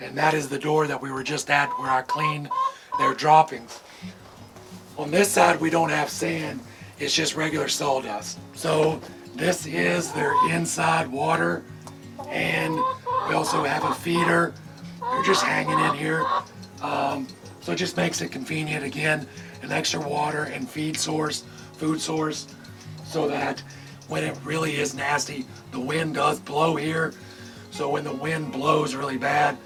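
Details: Adult male with vocal cord paralysis from surgery that damaged throat nerves and paralyzed the muscles acting on his vocal cords, making talking hard; he hopes it is temporary; vocal cord paralysis.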